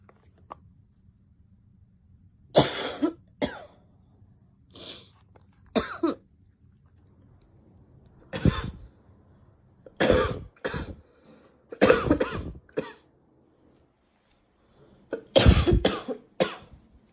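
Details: Girl with a repeated cough: about ten coughs, mostly single or in pairs, with brief pauses between.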